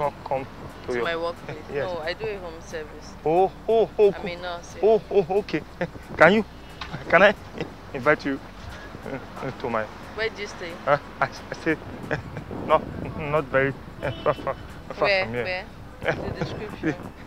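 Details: Acted stuttering: a stammer performed for a street prank show, not a real disorder.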